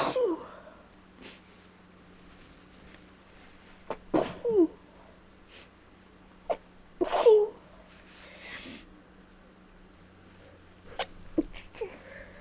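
Several short explosive bursts with quick intakes of breath, a run of sneezes from allergy; quiet room hum between them.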